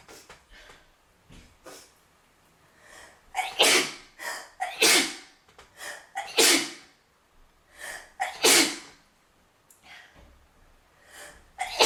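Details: Blonde-haired young woman vaping, exhaling thick vapour, who then sneezes and coughs. Repeated breathy bursts and forceful exhales, several sharp sneeze-like blasts with short coughs between; she complains it tastes awful.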